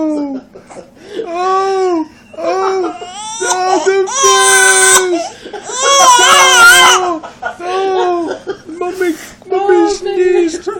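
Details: Infant crying in response to an adult's sneeze: repeated high-pitched wailing bursts with brief gasps between them, in a small room.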